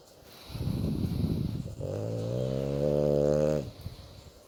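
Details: French Bulldog, female, sleeping while stroked: rough, fluttering snore followed by a long, drawn-out voiced groan before quietening; snoring with grunting from happiness.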